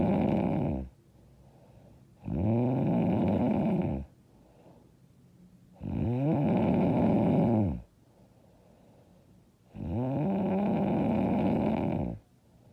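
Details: Loud, harsh snores on each in-breath, about 16 breaths a minute, with quiet pauses between; self-described very loud, hard snoring.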